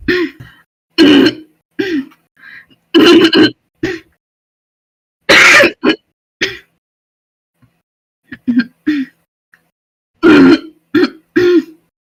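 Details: Repeated forceful throat clearing in short harsh bursts with brief pauses, from a young female smoker who also has deep barking coughing fits.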